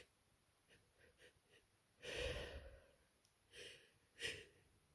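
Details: Soft sniffs and gasping in-breaths build to two or three sneezes with congested, stuffy breathing, from a person with a cold: sore throat, then a very runny nose and heavy congestion.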